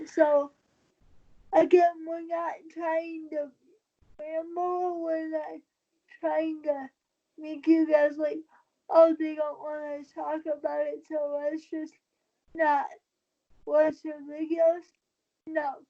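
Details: Dysarthria in a 23-year-old woman with cerebral palsy since birth after premature birth at 27 weeks. She uses a wheelchair, has no balance and a tight body. She believes her prematurity probably affects the stability of her speaking.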